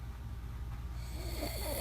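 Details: Man snoring loudly, recorded from the side by his wife: low, rough rattling on a breath in.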